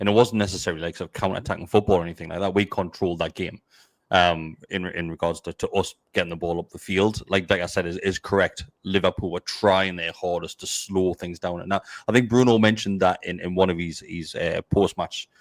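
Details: Adult male speaker; Ordinary speech.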